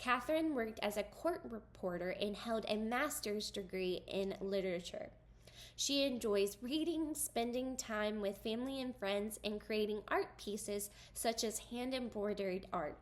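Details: Adult woman, narrating; typical speech.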